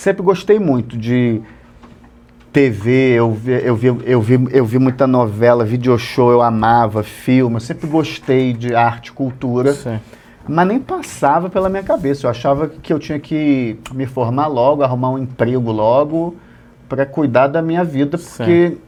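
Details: Adult male Portuguese-speaking comedian who has stuttered since childhood; stuttering runs in his family and comes and goes; stuttering.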